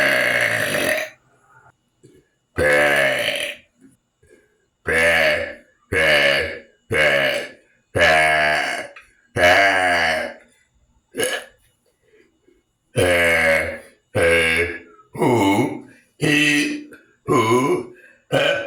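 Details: About 15 long, loud, voiced belches separated by short pauses, made on purpose for a burp video: deliberate repeated burping.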